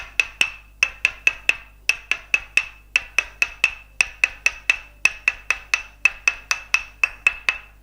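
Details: Traditional northern Thai wooden hammer massage (tok sen): rapid crisp wooden taps in uneven groups, about four per second, tapping along lines of the back, shoulder blade, calf and sole; demonstrated by a Thai traditional medicine practitioner.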